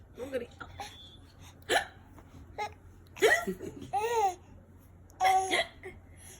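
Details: Baby hiccups: short, sharp voiced catches recurring among the baby's laughing vocal sounds.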